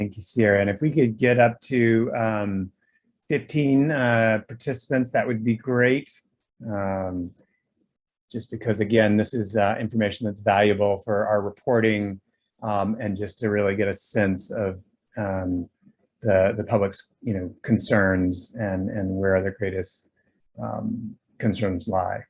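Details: Adult man; normal voice.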